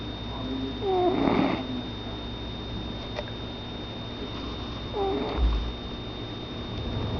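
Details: A sleeping cat snores: two noisy, squeaky breath sounds about four seconds apart, roughly 15 breaths a minute, with a whistling nasal edge over a steady room hum.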